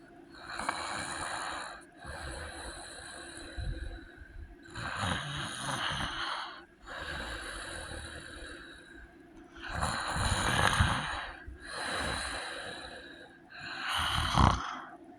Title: heavy snoring and sleep apnea